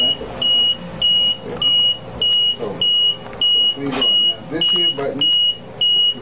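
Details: LP10 home ventilator being set up in assist-control mode, running on internal battery: regular high-pitched electronic beeps, about 100 a minute, with faint room noise; ventilator alarm beeping.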